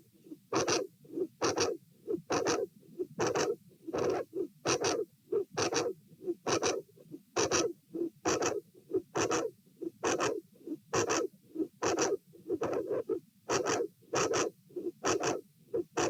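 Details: Patient sitting, heart sounds at the aortic area with a dilated aortic root: about 67 beats a minute, unevenly spaced by premature atrial and ventricular contractions; irregular rhythm with PACs and PVCs.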